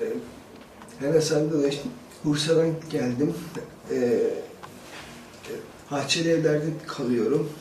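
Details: 17-year-old male student speaking Turkish before stuttering therapy: stuttering.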